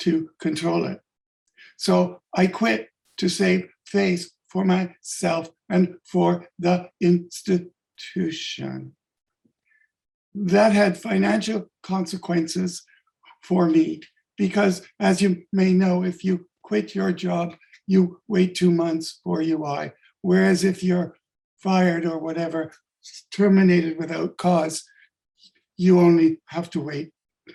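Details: Adult man with late-onset stuttering from functional neurological disorder; five years ago woke unable to speak with up to 20 seizures daily; speech regained but not fluency; adult-onset stuttering.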